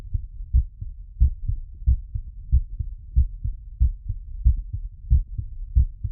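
Steady, somewhat quick heartbeat at about 92 beats a minute with clear paired sounds, a normal heart recovering after exercise.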